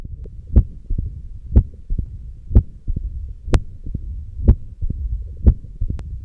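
Steady heartbeat near 60 a minute with sharp first sounds and low rumbling between beats, typical of mitral stenosis.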